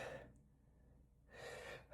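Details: Two sharp, breathy inhalations separated by a pause, the gasping build-up before a sneeze, during a sneezing fit of about 15 sneezes so far.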